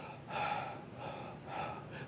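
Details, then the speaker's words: Vocally imitated normal breath sounds as heard through a stethoscope: soft rushing breaths in and out with no whistling or wheeze, demonstrated by a pulmonologist as a contrast to asthma wheezes. "when I listen to someone's chest with my stethoscope normal breathing kind of sounds like this"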